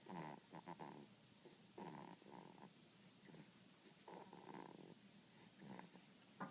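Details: Snoring 7-week-old baby: soft, rattly, snorting breath sounds repeat in short bursts with each breath over quiet room noise, infant snoring.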